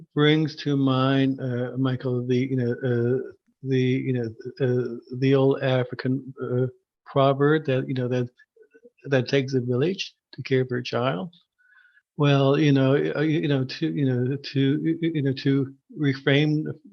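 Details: Adult male who stutters and spent many years hiding it; stuttering.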